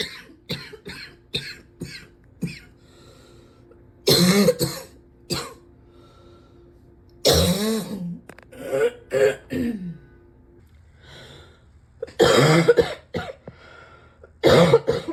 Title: #70 - morning deep coughs